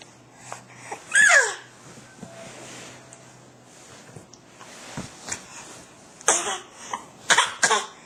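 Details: Several short, deliberate voluntary coughs from an infant showing off a newfound coughing talent, between soft vocal sounds in a quiet small room.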